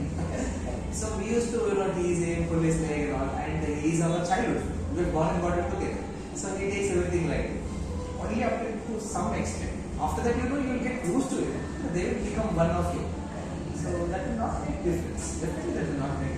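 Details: Adult man speaking; fluent speech.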